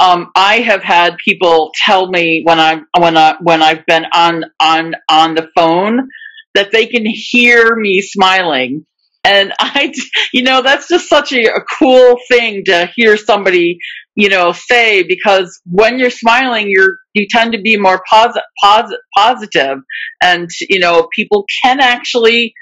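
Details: Adult who stutters, with part-word and word repetitions and fillers; stuttering.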